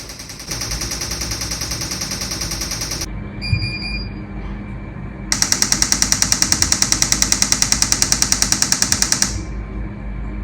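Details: Repetitive transcranial magnetic stimulation on day four of an rTMS course for Long Covid chronic migraines and brain fog, coil positioned using a marked cap: rapid regular trains of sharp clicks, about three per second, separated by pauses.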